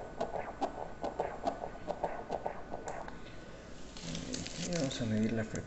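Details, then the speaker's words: Rapid, regular, strong, vigorous whooshing fetal heartbeat at 142 beats per minute during ultrasound at 33.6 weeks of gestation; normal fetal heartbeat. "ese es el corazón del bebé el corazón siempre se escucha bastante bien se escucha fuerte vigoroso rítmico"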